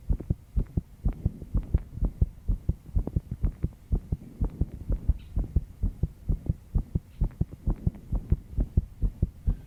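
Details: Rapid, regular low-thumping heartbeat, about 128 beats a minute, with faint background hum, in a stressed 22-year-old female after an all-nighter working.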